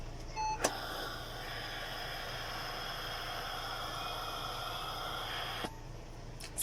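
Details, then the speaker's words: Ventilator demand valve with face mask during a demonstration using a hand in place of the face, simulated inhalation: a click, about five seconds of steady oxygen-flow hiss as the valve releases, then another click. "as the patient inhales there's a pressure in the tube so other pressure is created the demand flow also its release it allow oxygen to pass through the chip"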